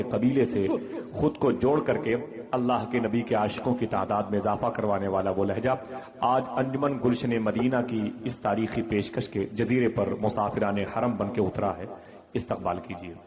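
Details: Adult male speaker; Normal speech.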